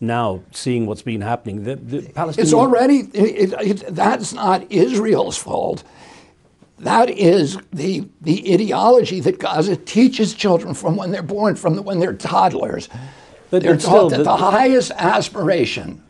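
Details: Spasmodic dysphonia in an adult male whose voice was strong until age 42, following a neurological injury in 1996; he attributes his voice to the brain sending wrong signals to the vocal cords, not to the vocal cords themselves.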